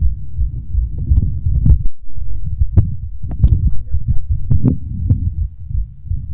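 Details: Fast heartbeat.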